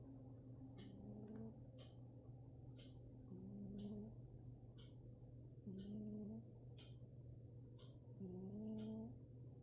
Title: cute cat snoring ( use headphones) 😉🎧 #shorts #catsnoring #snoring